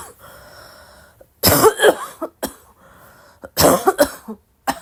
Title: coughing like crazy 🗣️